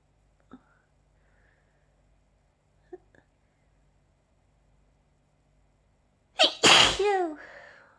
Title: allergy sneezing fit